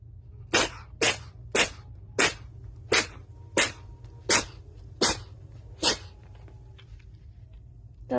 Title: When the sneeze finally hits😂... #cat #catvideos #catlover #shorts #viral